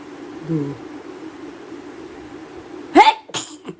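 Quiet room, then a sudden explosive sneeze followed by a short second burst, likely nose blowing; an ordinary deliberately triggered sneeze.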